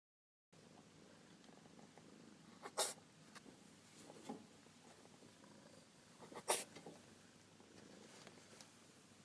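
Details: Sneeze: two short, sharp hissing bursts a few seconds apart over steady room noise, sneezes from a small black cat called Baby.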